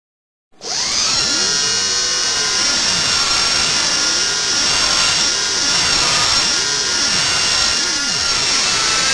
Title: Sound Effects DENTIST DRILLING GRINDING TEETH